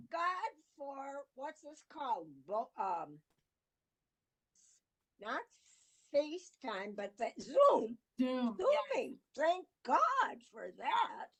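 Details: Woman with aphasia in an interview quote, word-finding difficulty; aphasia.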